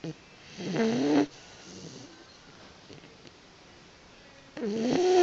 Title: Funny Roxie the Boxer Puppy is Snoring Again!